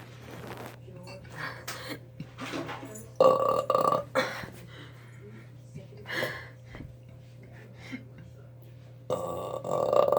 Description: Burping in a Hotel Bathroom / Originally Recorded on September 9, 2017